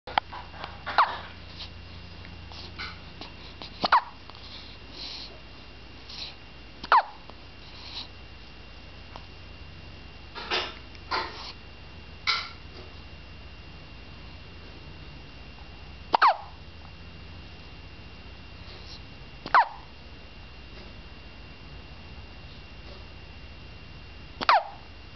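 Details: Animal with hiccups after eating: brief, sharp hiccup sounds repeating every few seconds, with quiet room noise between them.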